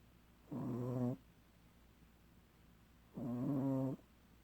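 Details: Two low, rumbling, voiced snores about 2.5 seconds apart; snoring in a pug.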